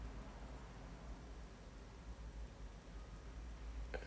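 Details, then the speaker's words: Ear wax removal by microsuction in a patient with Parkinson's and head tremor, using a WAXscope speculum at standard suction power; steady low roaring hiss with a brief slurp as concentric movements detach wax and skin near the osteocartilaginous junction of a narrowed canal. "standard Zone a suction power we're just making these little concentric Ruble movements to detach the wax and skin"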